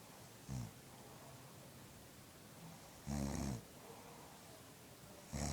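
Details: Adult woman sleeping: short, low buzzing snores on three breaths over steady room hiss: ordinary snoring.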